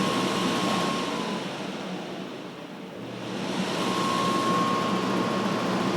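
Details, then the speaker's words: DIY prototype ventilator controller built on an NE555 timer switching a blower through a relay, inhale (blower-on) duration adjustable: steady blower rush that fades briefly and returns as the blower cycles off and on. "controls you can adjust the inhale or blower on time duration this shows a short inhale duration the blower is on for a short period of time here is a long inhale duration the blower is on for long period of time"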